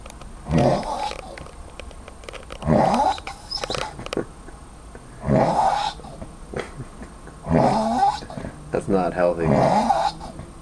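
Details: Loud, harsh, fluttering snoring in repeated bursts, about 27 per minute, over quiet room noise; heavy snoring, described as dangerous and unhealthy, after drinking too much Korean soju.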